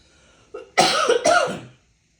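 A short throat sound, then a burst of about three harsh, rapid coughs; an asthma cough.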